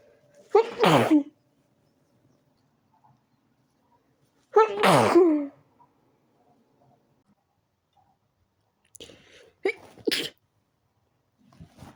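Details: Sneezing fit in bed after turning onto the other side while trying to sleep: two loud sneezes a few seconds apart, then softer sniffs and small sneeze-like bursts.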